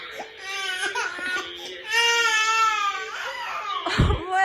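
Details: 10-month-old baby boy fussy crying with wavering wails and whimpers, with an adult voice and room noise in the background.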